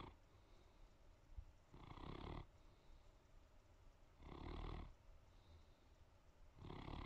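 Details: Great Pyrenees (Pyrenäenberghund) female dog asleep on the couch in the evening; quiet, gentle snoring, slow low rumbling snores about three in seven seconds with quiet breathing between.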